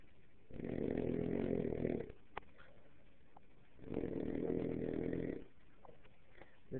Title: silo snoring.3g2